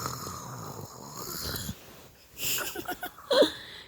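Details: A young child, told to lie down and sleep, pretends to snore: a long rattling breath, then a few short snorting bursts with a brief squeaky note, in a quiet room.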